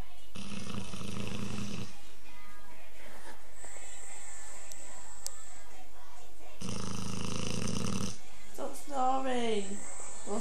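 Two long, loud, harsh rattling snores from a large dog, with music in the background: snoring.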